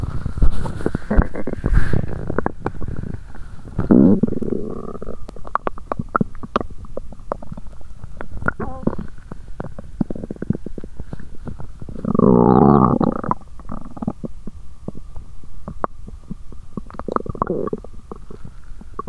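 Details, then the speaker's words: Bowel sounds after exercising on an empty stomach, with nausea and cramping abdomen: loud gurgling and rumbling with bursts of bubbling from the belly, stomach growling. "Lúc đó mình có cảm giác bụng và ruột như quặn lại 😫! Vì thế mà âm thanh đường tiêu hóa trở nên ồn ào!"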